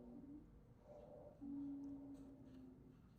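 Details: Teaching-lecture example of wheezes: high-pitched, continuous sounds, as heard in asthma and COPD.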